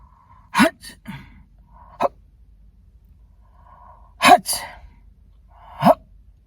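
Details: Several sharp, explosive sneezes, each led by a quick indrawn breath.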